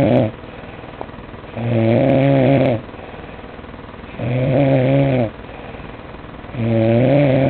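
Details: Person snoring: loud, buzzing, tonal snores on each breath in, about one every three seconds, with quieter breathing between; snoring.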